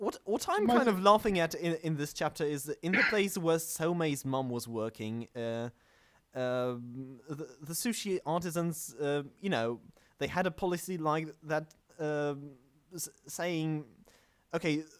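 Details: Stuttering; male podcast host whose co-hosts are introduced as the non-stammering hosts, implying he stammers; the show describes itself as combining manga talk with speech therapy.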